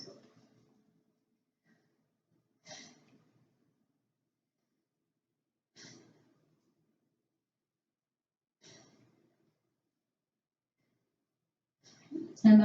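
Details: Soft, evenly spaced deep breaths in a quiet room as the patient breathes deeply at each stethoscope point on the front and back chest during a head-to-toe assessment; normal deep breathing.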